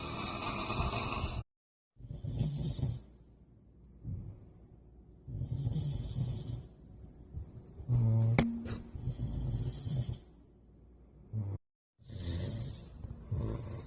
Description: Me trying to sleep while my boyfriend sucks the ceiling in.